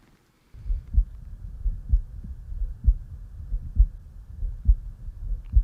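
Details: Carotid auscultation with a stethoscope on the neck, head turned to one side and breath held: steady low thumps at about 67 per minute.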